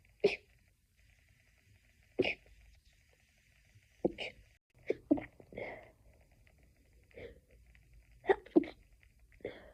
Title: stiffled sneezing fit edit loop 5 ½ minutes. #sneezingfit #stiffled #sneezing #achoo